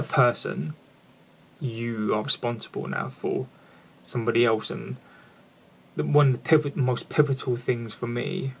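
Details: Lifelong stuttering (stammering) in an adult man who has always had it and still stammers.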